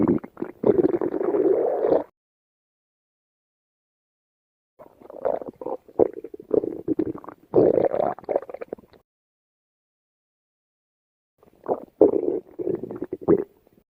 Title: Stomach Growling